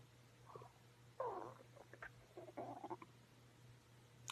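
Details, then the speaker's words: A woman's stomach, caught by accident while filming, growls from hunger with soft gurgling, bubbling rumbles over a low steady hum; a normal gut sound. "No, tell me, please tell me you heard my stomach, please."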